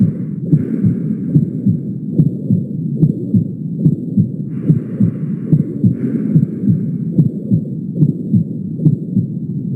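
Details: At the mitral focus, a regular heartbeat near 72 a minute with a steady low-pitched whooshing filling each systole, with a faint hiss behind. Intensity rises at the mitral focus: holosystolic murmur of mitral regurgitation.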